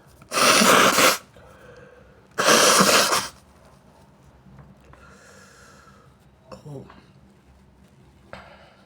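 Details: Person with a bad sinusitis attack, sore itchy nose, deliberately inducing sneezes with tissue paper, sneezing on hand: two loud, explosive sneezes a second apart, then quiet breathing and faint sniffing; repeated sneezing.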